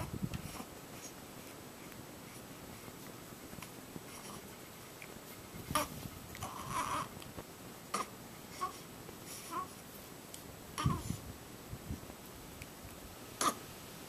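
An infant babbles softly between several short, sharp hiccups, about one every two to three seconds.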